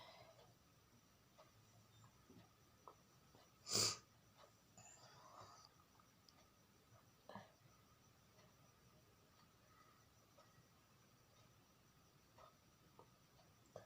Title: sneezing challenging video part 2